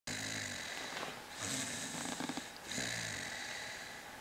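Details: Cosmo, described as very sleepy, snoring: low rattling snores on breaths in, with a hissing, noisy background throughout.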